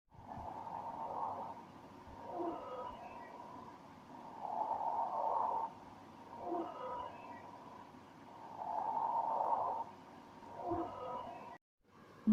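Several high musical tones sound together with each breath, a polyphonic wheeze from narrowed airways.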